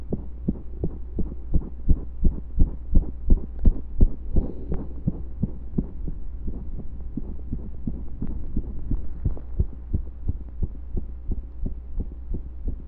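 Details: Heartbeat recorded during pressure and breath holds, reported to have a few skips: steady thumping beats over a low hum, mostly regular, with the skipped beats hard to pick out.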